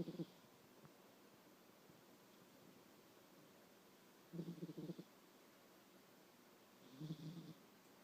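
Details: 9-year-old cat snoring during sleep: soft, rattly snores about every three seconds over a quiet background.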